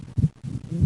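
Low heart sounds with a split second sound that widens on expiration, typical of left bundle branch block.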